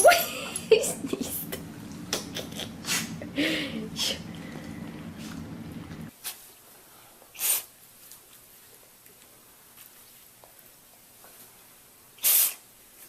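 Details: Small animals sneezing, from a compilation: a run of quick, sharp sneezes mixed with brief background talk, then a few isolated sneezes over quiet.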